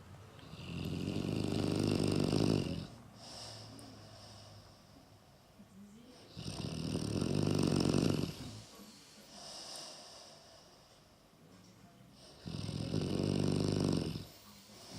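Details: Two sleepers snoring, one louder than the other: loud, rough rattling snores on each breath, about three in 15 seconds, with quieter exhalations between; ordinary snoring.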